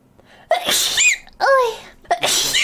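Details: Three sharp, explosive sneezes with brief pauses between them, from a VTuber streamer with an orca persona.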